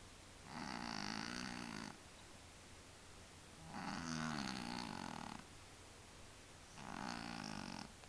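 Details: Cat in deep sleep: three slow, even rattling snores with quiet gaps, about 20 breaths a minute; ordinary snoring.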